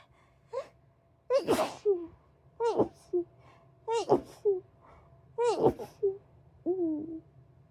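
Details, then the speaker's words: Person sneezing after repeated false starts from a nose tickle: a run of five sharp sneezes in quick succession, each preceded by a brief in-breath, in a quiet room. "Oh my god, I've been having false starts for a long time. I keep opening my camera and then the tickle in my nose will fade away."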